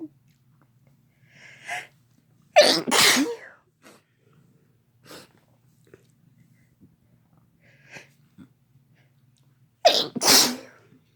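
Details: Two sharp, explosive sneezes (labelled F+M), each preceded by a quick inhaled build-up, with faint breaths between; ordinary sneezing.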